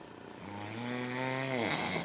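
A single loud, buzzing breath sound that rises and holds, typical of a snore.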